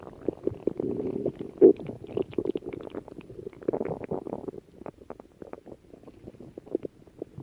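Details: Bubbling, gurgling rumbles and squeaky pops that come and go over several seconds, typical of ordinary stomach growling: bowel sounds (borborygmi).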